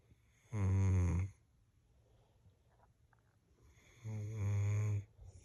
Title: SNORING DOG...LOUDLY